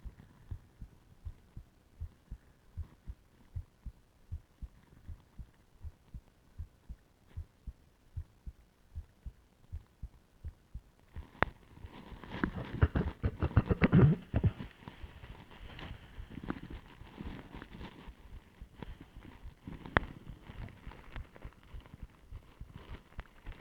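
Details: Adult's own heartbeat via stethoscope with ECG during deliberate breath-holding (pillow, plastic bag), multiple attempts: steady quick beats, then rustling; heart rate rose (tachycardia) then slowed to under 50 beats per minute.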